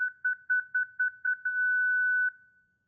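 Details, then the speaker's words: Quick paired electronic beeps ending in a brief steady tone as a Zenix hospital defibrillator/monitor in manual mode is disarmed with the red disarm key after charging; defibrillator disarm tones. "To disarm Xenox at any time, select the red disarm key located on the right side of the defibrillation dashboard."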